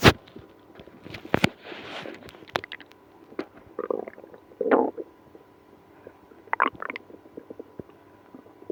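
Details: Frequent gurgles, pops and bubbling rumbles from the belly after drinking milk and prune juice in someone with irritable bowel syndrome, with moaning; loud, active bowel sounds, stomach growling (borborygmi).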